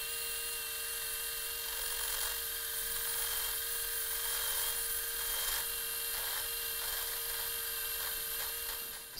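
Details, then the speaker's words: Hammertoe fusion of the second digit: a powered concave/convex three-prong reamer prepares the proximal phalanx head's articular surface. Steady high-pitched motor whine with grinding as the bone is shaped. "utilize the concave and convex reamer similar to the first metatarsal phalangeal joint to prepare the fusion site in the second digit"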